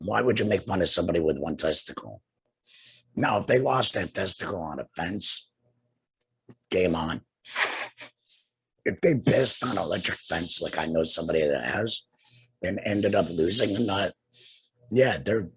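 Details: Tracheoesophageal speech in an adult man two years after laryngectomy for cancer treated with radiation and chemotherapy; he has no larynx, breathes through a neck stoma and speaks with a TEP voice prosthesis, using an HME.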